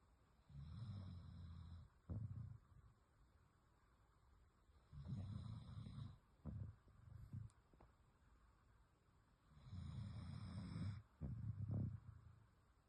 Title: Lily Sleeping and Snoring! #dog #pets #beautiful #dogs #lily #love #doggyzworld #snoring #cute #❤️